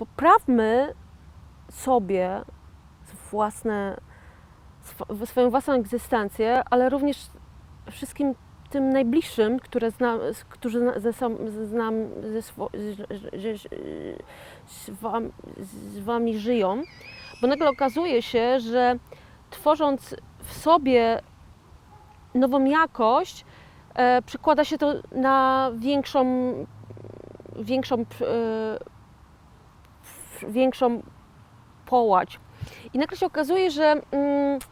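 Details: 41-year-old woman with aphasia after a stroke in 2009, self-described stroke survivor and aphasian, who says she cannot say a word; aphasia.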